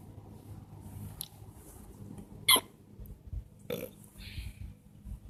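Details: Two sudden, short gulping sounds over a quiet outdoor background at a park: loud hiccups.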